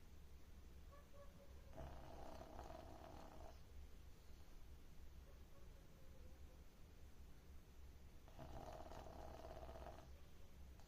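Two soft rattling snores about six seconds apart over a steady low hum; a small flat-faced dog snoring.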